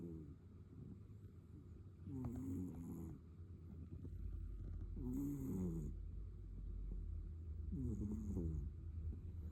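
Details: Sleeping cat snoring: three soft, fluttering rattles on inhaled breaths about every three seconds, roughly 20 breaths a minute, over a low steady rumble.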